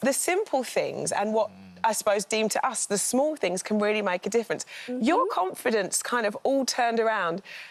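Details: Adult woman, television host; typical speech.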